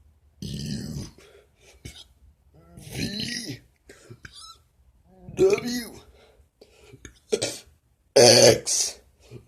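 A string of loud, voiced, drawn-out belches, with short pauses between them: deliberate burping.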